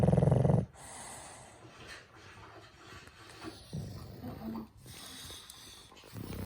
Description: My dog sounds like a cow when she is sleep🤣🤣